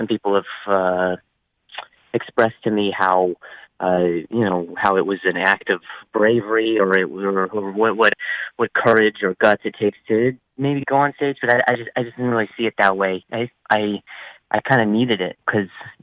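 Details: Adult male comedian whose stutter began at age 20 after a softball struck his throat and he hit his head, causing a minor vocal contusion and a major concussion; acquired stuttering.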